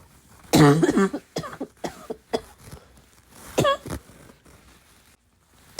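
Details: A loud harsh cough followed by several shorter coughs, snorts and throat clearing in a small room; a repetitive cough that kept the person awake the previous night.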